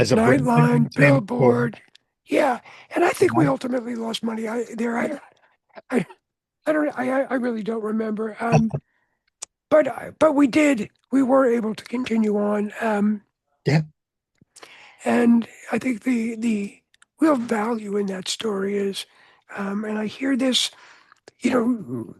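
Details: Adult man whose voice was altered by throat cancer treated with surgery, radiation and two years of experimental chemotherapy, with no recurrence since; voice change after throat cancer treatment.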